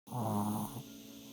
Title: Snoring pup